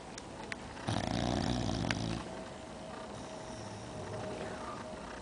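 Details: Snoring in Molly, an English Bulldog asleep on a couch, who later had a spleen tumor: one loud, low, rattling snore, then quieter breathing with room noise.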